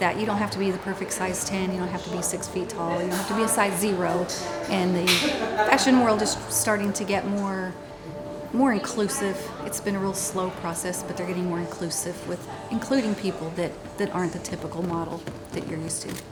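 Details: Adult woman speaking; normal speech.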